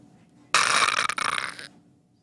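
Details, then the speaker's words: Agonal breathing demonstrated in emergency responder training: a single harsh, snoring gasp about a second long, then silence; irregular gasping in cardiac arrest that is not real breathing. "individuals in cardiac arrest do not breathe however some may gasp irregularly this may seem like the patient is breathing these are called agonal breaths agonal breaths sounds something like this"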